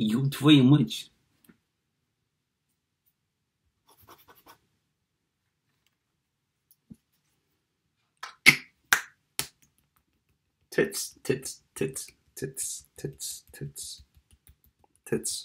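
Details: Male with Tourette syndrome who self-recorded a real episode with involuntary obscene utterances alongside phonic and motor tics; coprolalia (Tourette syndrome).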